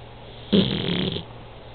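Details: A single short, rumbling snore under a second long against faint room noise; snoring.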